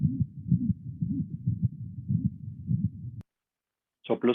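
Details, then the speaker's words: Regular heartbeat about 100 a minute with a whooshing sound filling each beat, in a veterinary teaching example; a systolic ejection murmur suggesting pulmonic or aortic stenosis. "que son sugerentes a estenosis que en sean entes pulmonar estenosis aórtica y entonces la presencia del soplo nos va a poder ubicar en que es muy posible que este paciente verdaderamente sea un cardiópata"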